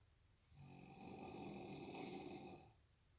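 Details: Partner snoring during sleep, waking a light sleeper: a single long, loud rasping snore of about two seconds with a harsh buzzing tone; snoring.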